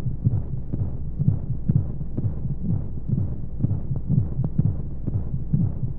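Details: Baby sleep aid womb sound: steady muffled low heartbeat thumps at about 125 per minute over a soft whooshing white-noise rush, as heard from inside the womb.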